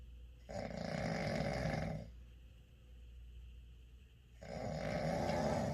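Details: Sleeping male: two long, deep, rattling inspiratory snores with a quiet pause between them; loud snoring.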